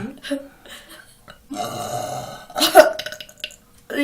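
A long, drawn-out voiced belch and then a second loud burst, with brief breathy sounds around them. Repeated burping.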